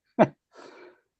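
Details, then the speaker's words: A single sharp, explosive cough from an adult man while he is talking, followed by a softer, breathy exhalation; an isolated cough. "So, what was that? I had to cough. I'm sorry."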